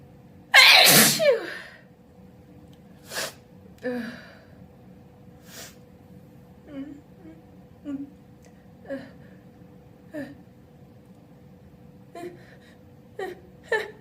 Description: I sneeze loudly and openly in this video. I have the house alone and show off some vocalized sneezes. They are all wet open sneezes, but I do have a handkerchief by my side to help mop up any mess.